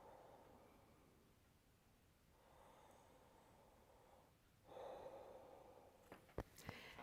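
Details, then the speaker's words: Normal tracheal breath sounds over the windpipe during deep open-mouth breaths: loud, hollow, turbulent rushing airflow, loudest at this site, in a dysphagia breath-sound assessment teaching demo. "that is the easiest place to hear breath sounds because they're the most turbulent there and they're the loudest there and in this particular Arena turbulence is good"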